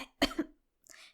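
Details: Single harsh simulated cough with a short throat-clearing sound, then a soft breath, from a female voice actor in a fictional audio drama about a hidden illness; part of an acted coughing fit.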